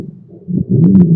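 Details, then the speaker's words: Chest auscultation: low-pitched continuous rumbling, snore-like sound building through the breath, heard in both inspiration and expiration; rhonchi. "ทีนี้มาดูลองคายซาวกันบ้างนะฮะโอเคอีกครั้งหนึ่งเนาะลองคายซาวจะได้ยินทั้งการหายใจเข้าและการหายใจออกนะฮะ"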